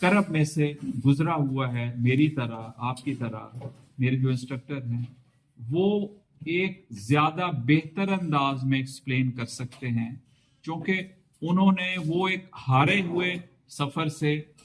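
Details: Adult male stammering-course participant who had a fairly significant stammer on arrival and now speaks about 90% effectively using the course techniques; stuttering with fluency-shaping speech.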